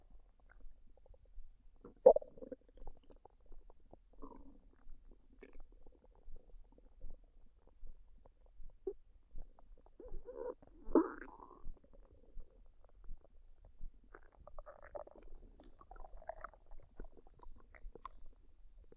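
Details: Woman's belly after a dinner of fried rice and duck, unedited, no talking: irregular gurgles and bubbling rumbles with quiet gaps between them. Normal bowel sounds (borborygmi).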